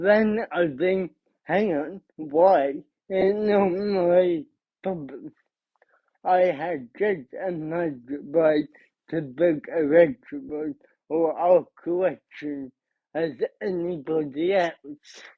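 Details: Adult man, about 30, living with cerebral palsy, who describes his own speech impediment as part of his condition: dysarthria (cerebral palsy).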